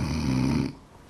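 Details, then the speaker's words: Loud, harsh, rumbling animal-like snore under a second, then quiet, from an adult with severe sleep apnea whose spouse reports breathing stops at night and who wakes themself with the noise; snoring. "when you hear that snoring can you believe that's you it doesn't sound like a person i seem like something in the barn sometimes i wake myself up with the noise"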